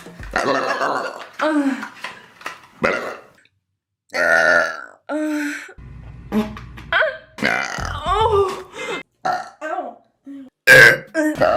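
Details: Compilation of burping: separate loud, voiced belches with brief gaps between them and snatches of other sounds. Burping.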